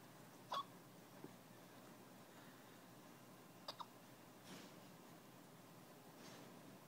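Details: Baby hiccups: a few brief, sharp catching sounds, about four in seven seconds, in a quiet room.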